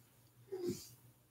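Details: Single soft, low snoring breath from Tigger, a sleeping pet (owner says you can probably hear Tigger snoring), over faint room noise during a live stream; ordinary snoring.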